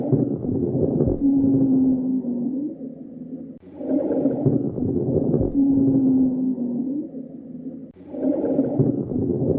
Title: Bronchiolitis Breath Sounds